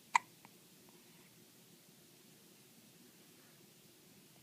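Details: One-week-old baby: one sharp, brief hiccup, then a quiet room: hiccup.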